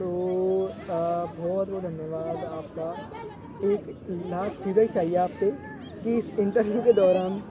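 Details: Adult male interviewer who stammers and reports repetitions on some words and blocks, in a Hindi interview with a stranger; stuttering.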